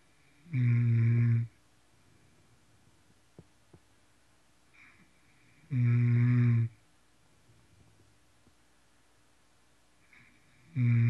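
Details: Person snoring hard: loud, low rattling snores about every five seconds, around twelve a minute, with quiet pauses between, in a small room.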